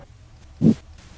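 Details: Abdominal bruit heard by stethoscope over the right renal artery, aorta and left renal artery of a supine female patient during an abdominal examination; in hypertension, a bruit raises suspicion of renal artery stenosis.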